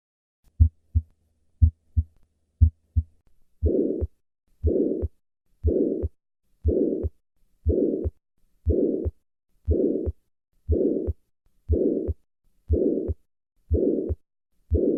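Three clean heartbeats at about 60 a minute, then a loud harsh murmur filling all of systole between first and second sounds: holosystolic murmur of ventricular septal defect.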